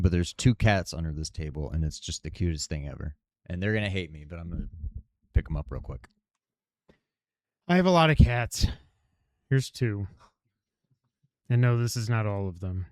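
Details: Adult man speaking; Normal speech.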